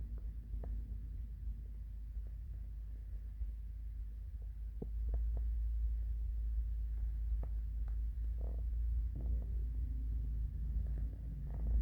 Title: The classic morning hungry stomach growls